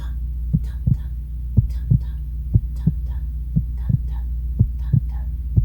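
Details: Steady low lub-dub heartbeat about 58 beats a minute over a low hum, presented as the mother's heartbeat a baby hears in the womb; regular, normal rhythm.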